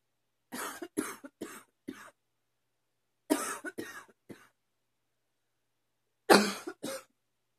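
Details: Three bouts of dry coughing, about nine coughs in all, separated by quiet pauses; repeated coughing attributed to increasingly frequent allergies of unknown cause.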